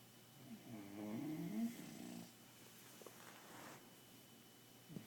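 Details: Bulldog puppy sleeping at home at night: soft, rattling snore, one main breath with a fluttery tone, then quieter breathing in a small room; snoring.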